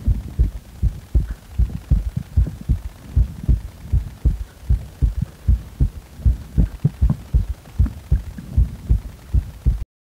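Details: Low, thudding heartbeats at about 78 a minute after compression, with an extra third sound in each beat giving a galloping three-part rhythm; triple heart rhythm.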